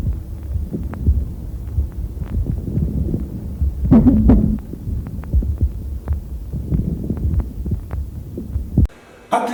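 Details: Lung auscultation teaching recording: low rumbling chest sounds with scratchy, creaking bursts heard on both inspiration and expiration, unchanged by coughing, unlike fine moist crackles; pleural friction rub.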